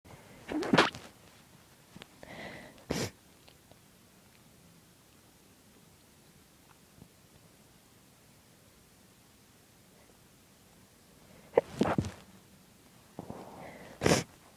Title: Quiet Stifled Sneezes